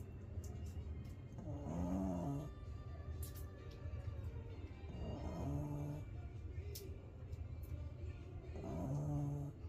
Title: baby girl back from her #groomer #snoring they really must have done her in #lol